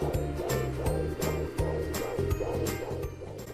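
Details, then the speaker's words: Home Sonoline B fetal Doppler probe on a pregnant woman's belly: rapid rhythmic whooshes at about 165 a minute with bumps from the baby's big kicks; fetal heartbeat with kick noise. "feedback that you hear is the baby kicking big kicks now you're ready to use your sono line B fetal heart rate monitor at home"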